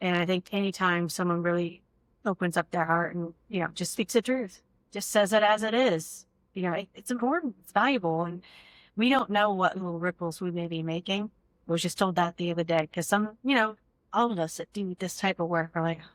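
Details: Adult speaker, likely female; normal fluent speech.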